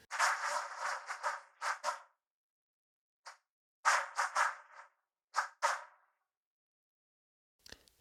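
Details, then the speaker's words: Simulation, reproduced with the hearing ear, of a dog barking heard through a cochlear implant three months after surgery for single-sided deafness: short, buzzy, hollow bursts in irregular groups, hard to recognize as a dog. "If I hadn't told you it was a dog, you probably wouldn't have guessed it was a dog."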